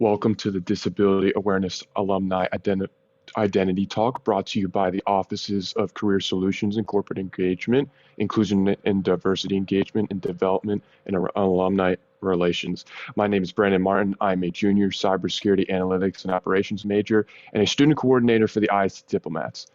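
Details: Adult male speaker; typical speech.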